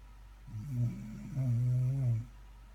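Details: Dog named in recording, snoring while asleep; snoring.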